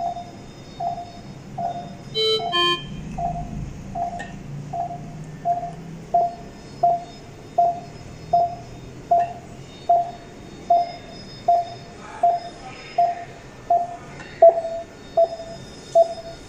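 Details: Dräger Infinity Delta XL bedside patient monitor connected to a simulator: steady pulse beeps about 80 a minute, one per simulated heartbeat.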